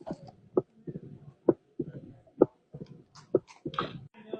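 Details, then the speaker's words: Heart sound recording of mitral stenosis used in a quiz: a regular heartbeat near 65 a minute with a sharp early extra click after each second sound, the opening snap. "All right, Kate, what do you think that this heart sound is? Mitral stenosis? You're right. 10 out of 10. 10 out of 10. He had the opening snap down."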